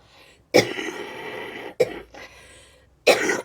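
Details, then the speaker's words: Cough from a French-speaking woman who is unwell, with a poor voice and a constant urge to cough: cough. "Je suis désolée pour la qualité de la voix, tout ça. Je vais essayer de monter un peu le son et j'ai vraiment envie de tousser tout le temps."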